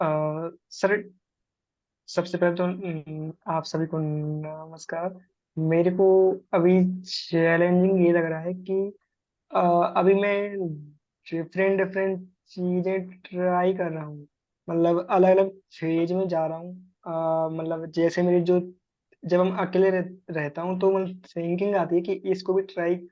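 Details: Adult man speaking Hindi; stuttering.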